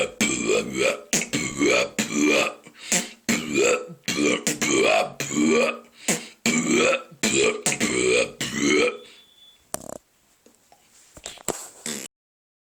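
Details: Fast rhythmic run of burp-like vocal bursts deliberately performed by a young beatboxer in a beatbox pattern, followed by a few softer sounds; performed, not spontaneous burping.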